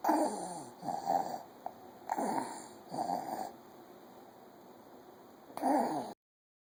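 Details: Short, noisy breaths from a child at 1 am carry a faint musical whistle, consistent with wheezing from narrowed airways.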